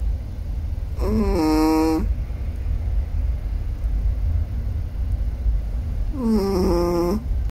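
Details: Sleeping, dreaming Chihuahua: two drawn-out, high, whistling nasal snores a few seconds apart over steady room hum; snoring.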